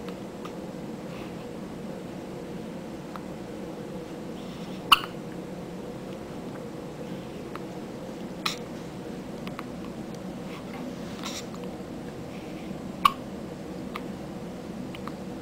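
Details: Infant girl's hiccups: three sharp, brief catches several seconds apart over quiet room noise.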